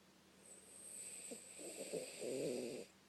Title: Yoda snoring